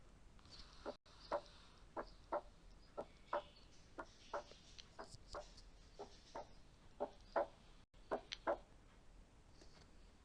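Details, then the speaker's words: Paediatric cardiology auscultation teaching example of an accentuated second heart sound: regular heartbeat about 60 a minute with a loud, sharp S2, louder than normal; accentuated S2. "ده المثال التاني اللي فيه الاكسنتويتد S2. لاحظوا ان ال S2 هنا صوتها هيبقى اعلى."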